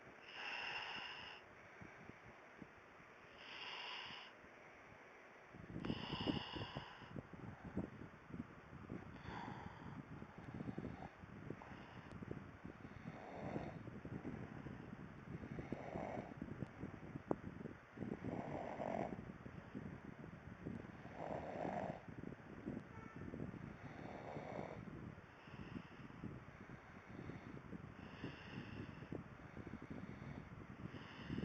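Regular snorting snores with each breath, about 20 a minute, over crackly background noise.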